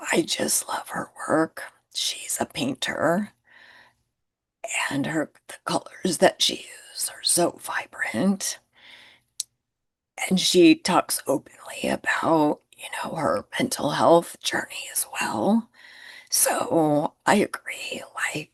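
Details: Adult woman with spasmodic dysphonia, who identifies with the spasmodic dysphonia community and finds phone calls challenging; spasmodic dysphonia.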